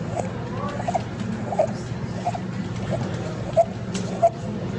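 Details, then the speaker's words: Noisy, squeaky crowing breaths about 90 a minute, with voices and music behind, shown as the classic stridor example in a paediatric otolaryngology lecture on subglottic hemangioma; stridor, a sign of a narrowed upper airway. "Agora vamos para o nosso nosso estridor famoso estridor né"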